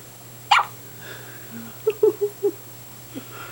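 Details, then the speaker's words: Hiccups in a daughter: short, sharp, yelp-like bursts, one then four close together, in a quiet room, sounding like a little puppy barking. "That's so cute. It sounds like a little puppy barking."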